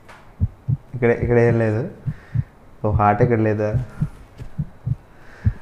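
Soft, low paired thumps of a heartbeat through a stethoscope, with two stretches of tonal music over them.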